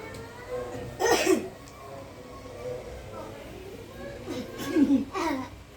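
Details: Child with a cough and cold, treated with alternative remedies: two short bursts of coughing, with faint voices and music in the background.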